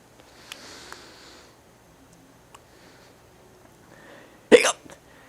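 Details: A single sharp, abrupt hiccup from a person in a quiet room, followed by a faint smaller catch: hiccups.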